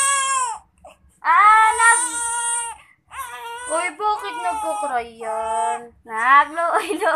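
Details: Infant crying: loud, tonal wails in bursts with short breaks for breath; an ordinary infant cry.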